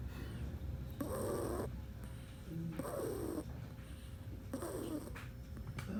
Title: Snoring cat Kala q Tao lng humihilik pti dn pla pusa 😂